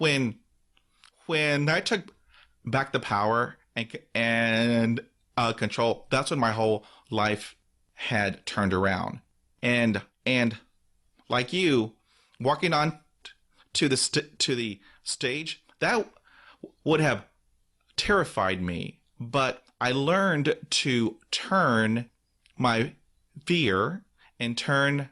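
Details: Real stuttering in an adult man who stutters, with repetitions and part-word repetitions; finding: stuttering.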